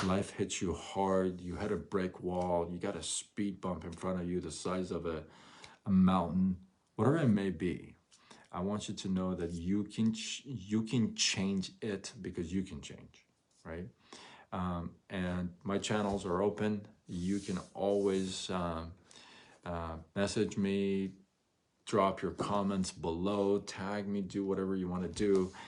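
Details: Adult male who stutters, onset noticed around age 6, severe between ages 13 and 23-24 with chin shaking and gasping for air, since improved; stuttering.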